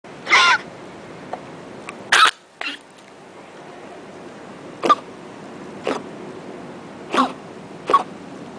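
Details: Dachshund possibly sneezing, owner unsure whether he is sick: about seven short, sharp bursts of air spaced over several seconds in a quiet room.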